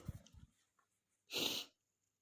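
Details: Male giving a few soft breathy sounds, then one sharp hissing burst: a single sneeze.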